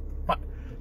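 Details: 27-year-old man with Tourette syndrome who reports more verbal than motor tics; vocal tic.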